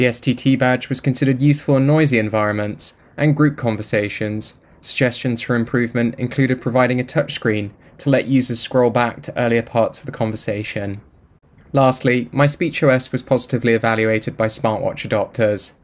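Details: Adult male narrator; normal speech.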